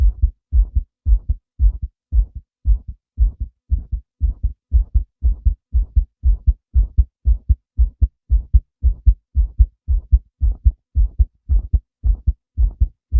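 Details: Steady, deep lub-dub thumps at about 113 beats a minute; male heartbeat.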